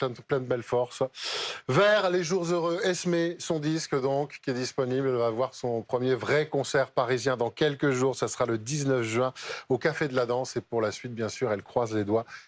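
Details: Adult male journalist speaking French; normal speech.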